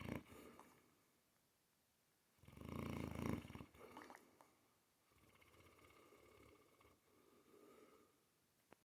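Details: Sleeping female Mastiff, wiggling: faint snorting and rumbling breaths, one louder snort among soft purring-like breathing; snoring.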